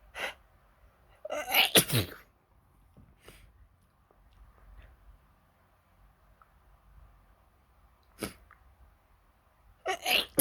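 Several sharp, explosive bursts of air through the nose and mouth, some in quick pairs, with quiet gaps between: repeated sneezing.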